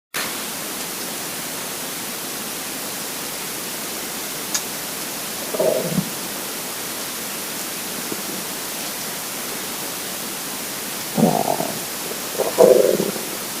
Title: Hungry Empty Stomach Rumbling Part 2 (22/10/2015)